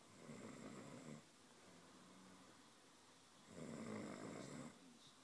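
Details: Two loud, rough rumbling snores on the in-breaths, about 3.5 seconds apart, with a quieter out-breath between: snoring.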